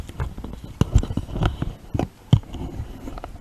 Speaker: Ugh, my stomach's growling. Sorry, guys. Trying to do this.